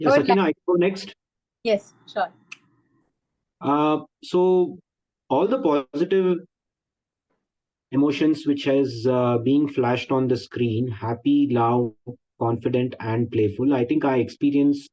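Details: Likely stuttering (stammering) in an adult man speaking in a Zoom workshop; he is a 12-year member of a stammering association and seems to include himself among people who stammer.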